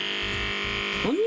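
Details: B.Well children's nebulizer compressor used at home to treat a young child's strong cough: a steady electrical hum with a low rhythmic throbbing, ending in a brief rising tone as it is switched on and runs.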